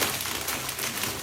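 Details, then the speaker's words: Lung crackles over the chest: brief crackling, popping sound like a bag of chips. "Like a bag of chips. Crackling poppy sound."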